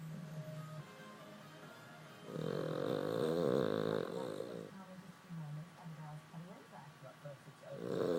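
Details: Rough, rumbling breaths with music in the background; a sleeping dog snoring, said to get even louder than this.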